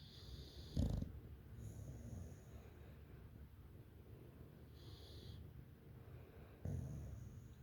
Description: English Bulldog Snore